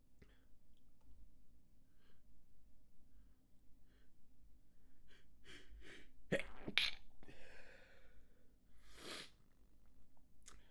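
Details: Manually induced sneezing: soft stifled breaths and catches, then a burst of several quick sneezes in a row; a stifled fit turning into a rapid sneezing fit.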